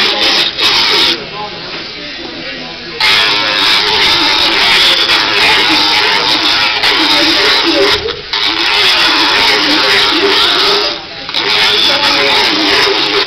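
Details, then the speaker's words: Loud steady buzzing grind with brief pauses between passes: a powered dental float on a horse's back teeth after the front two; described as causing vibration, not pain, to the tooth. "there is no pain on his tooth there's just a vibration and he'd rather be out munching and running"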